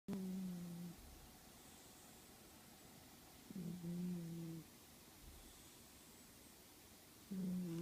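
Low, droning, tonal snores on three breaths about 3–4 seconds apart, with quiet gaps between them; ordinary snoring.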